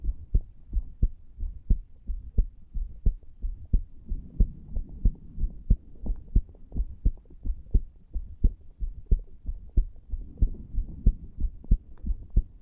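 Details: 34-year-old man lying on a bed after smoking a cigar (nicotine) and cannabis as an experiment; heart recorded over the tricuspid area: steady, strong paired heartbeats at about 90 beats a minute over a soft hum, no clear extra sounds.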